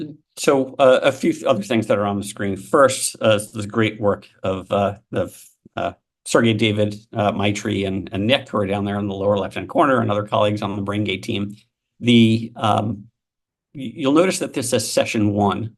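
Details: Adult male speaker; normal speech.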